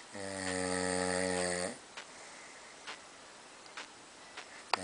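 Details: Snoring: one long, loud, buzzing snore on breathing in, followed by quiet breathing with a few soft clicks and small noises.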